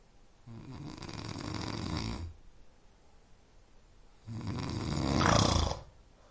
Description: a snoring sound that helps sleep.